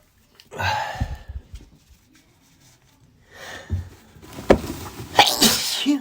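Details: Two forceful sneezes with explosive bursts and noisy follow-through, then nose blowing, from a person sneezing from dog allergy, with snorting and throat clearing; allergy sneezing.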